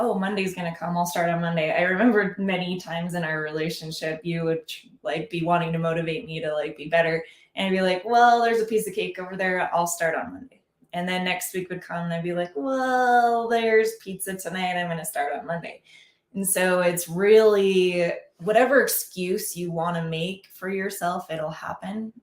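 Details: Adult speaker; typical speech.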